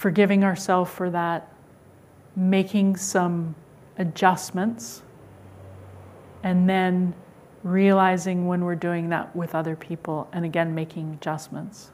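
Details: Adult woman; typical speech.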